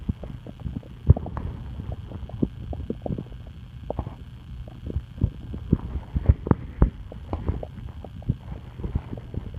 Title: Stomach noises